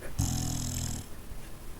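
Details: Sleeping dog snoring in an odd position with both eyes open: a single low, rumbling snore lasting under a second, with quiet room noise around it.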